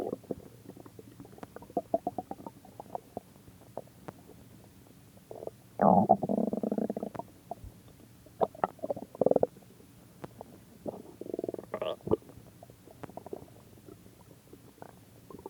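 Gurgling, bubbling rumbles with a few longer growls and scattered clicks, typical bowel sounds of a growling stomach.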